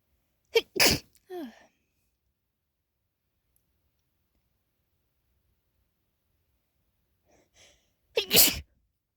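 Two loud, sharp sneezes, each with a quick breath in before it, separated by a long quiet pause.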